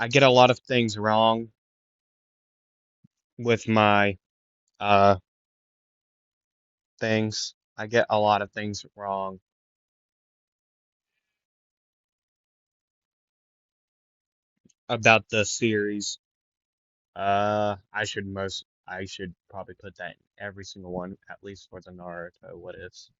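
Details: Male narrator who says he stutters a lot, repeats things and sometimes goes quiet, and who reports being congested and stuffed up; stuttering.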